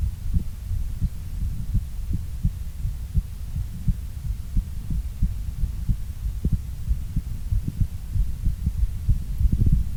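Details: Exercise-related heartbeat.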